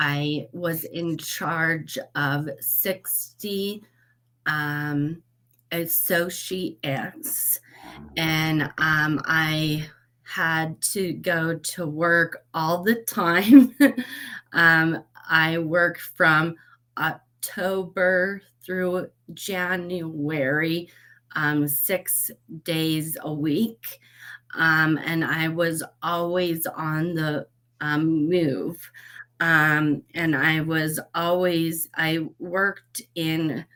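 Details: Aphasia after a stroke at age 38 in a woman; when first met she was barely understandable.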